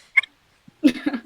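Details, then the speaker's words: Brief high squeak followed by a short voiced burst: a small, high-pitched sneeze from a woman, called cute and unlike a normal human sneeze. "it's cute it's not normal human sneeze"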